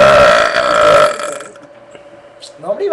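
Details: Burping with friends present: one loud, sustained, voiced belch lasting about a second, fading into quiet, then faint voices at the end; burping.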